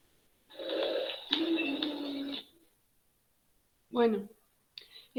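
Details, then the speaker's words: Musical, whistling breath sounds over the chest from narrowed airways; wheezing played as an auscultation teaching example. "y el último tenemos las sibilancias que el sonido más comúnmente se suele escuchar digamos"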